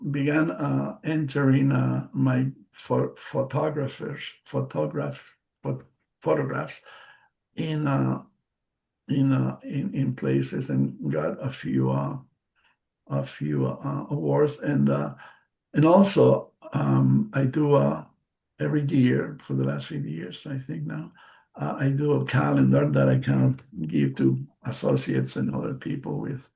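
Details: Aphasia after a stroke in March 2020 in an adult male bilingual speaker, a non-native English speaker.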